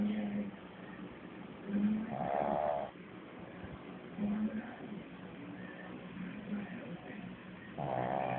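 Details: Female pet dog snoring very loudly while asleep, louder than an adult man: loud rasping snores every few seconds with quieter breathing between.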